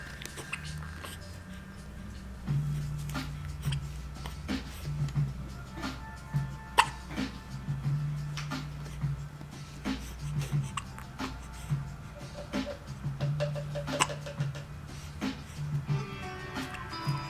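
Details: Hiccups: repeated soft, sharp hiccup jerks at an irregular pace, about 11 a minute, with music in the background.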